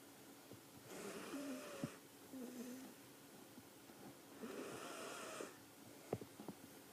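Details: Snoring: two slow, noisy sleep breaths with a faint whistling, squeaky tone in a quiet room; soft snoring.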